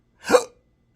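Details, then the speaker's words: Intractable hiccups since December 2015 after surgery with nerve damage (injected pudendal nerve, phrenic and vagus involvement), a rare disabling condition doctors cannot treat: a single sharp, voiced gulping hiccup, an involuntary breathing-muscle spasm. "it's very helpful in the pursuit of educating intractable hiccups is a real condition disabling condition me from two careers."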